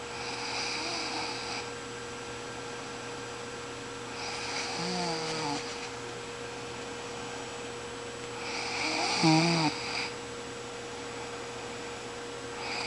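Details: Person snoring at bedtime while sleeping: intermittent snorting, rumbling inhalations over a steady background hum; snoring during sleep.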